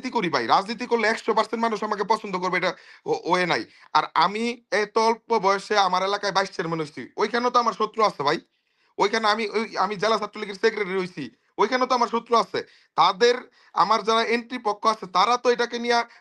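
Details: Adult speaker; typical voice.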